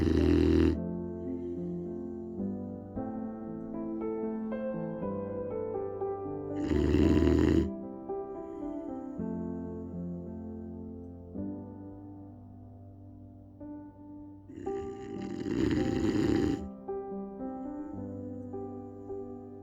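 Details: Boxer puppy napping on owner's leg: two or three loud snorting snores under gentle background piano music; snoring.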